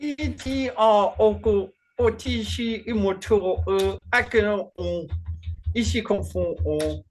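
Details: Man with Functional Neurological Disorder and foreign accent syndrome since 2019, alongside non-epileptic seizures, accent changing day to day, no control over output; today a Chinese-sounding accent during a bout of gibberish; functional foreign accent syndrome with gibberish speech.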